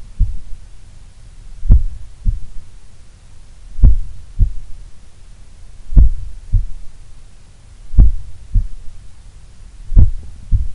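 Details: Relaxed adult resting in a sun room, possibly the lowest resting heart rate recorded so far: deep, slow heartbeats about 30 a minute, each a strong thump with a softer second sound; very low resting heart rate.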